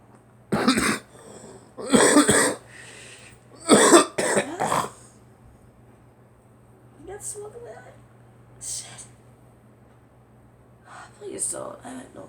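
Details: Several harsh coughs in two clusters, then quieter throat sounds and breaths, from a girl coughing while smoking.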